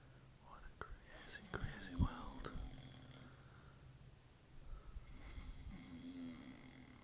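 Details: Man asleep at night after a day of partying, snoring: a low rumbling snore with a snorting catch, then a second softer rattling snore.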